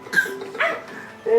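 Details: Three short, harsh, tonal cough bursts with a bark-like quality, like a puppy yapping: barking cough.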